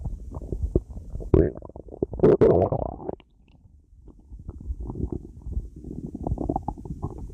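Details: Stomach growling (borborygmi): low gurgling rumbles with bubbly pops and a louder growling stretch, from gut movement.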